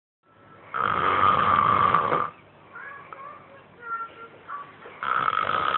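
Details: Person heavily snoring, with a children's TV show (Elmo) audible in the background: loud, harsh buzzing snores with fluttering quieter sounds between them.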